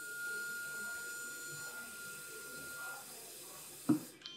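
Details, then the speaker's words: Tafonius Junior large animal ventilator setup: a steady hiss of gas filling the circuit to 15 litres (5 tidal plus 10 buffer volume) with a faint whistle, ending in a thump as the relief spill valve opens. "so it's going to fill this system up just gonna speed this up by putting some gas in"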